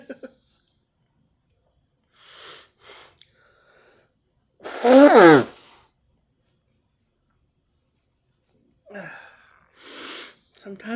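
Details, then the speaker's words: Sneeze out of nowhere in a person with nasal congestion, improving from the day before and taking Allertec: single loud sneeze with sharp voiced burst, preceded by breaths and sniffing. "i sneeze out of nowhere that was so good"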